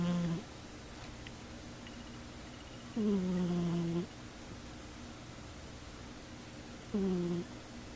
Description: Cat snoring while sleeping on a chair.